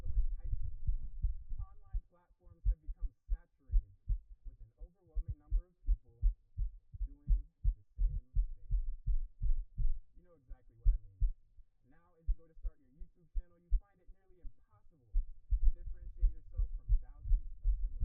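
Strong, rapid low thumps close together, with a faint hum between them; a fast, pounding heartbeat.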